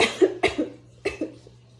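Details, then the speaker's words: Adult woman being treated for hyperthyroidism (overactive thyroid) coughs while talking, from the throat irritation she describes as her main discomfort; dry cough. "as far as like my pain level was more like a it was more like the irritation like um like my throat like throughout this video you kind of see me c"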